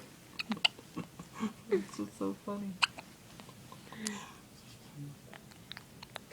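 Short abrupt hiccup sounds at uneven intervals, mixed with soft voice sounds and quiet room noise.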